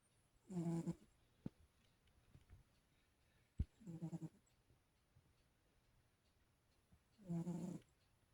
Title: kitty snores 🐈😴